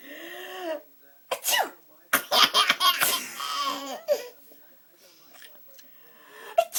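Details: Mother's repeated sharp, breathy sneezes alternating with her infant's high-pitched squeals and giggles as the baby laughs at them; sneezing.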